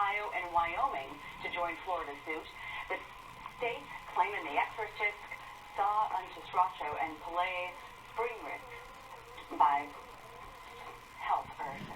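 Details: Adult female news anchor with four years of seizures from scar tissue left after brain tumor removal, having a diagnosed seizure on air; aphasia (jargon speech) during a seizure.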